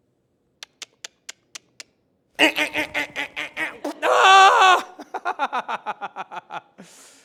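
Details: Vocal tics of Tourette syndrome, in a speaker with Tourette syndrome and ADHD, during a keynote talk: sharp clicks, then sudden bursts of wordless yelps, a squeal and rapid repeated syllables, acted.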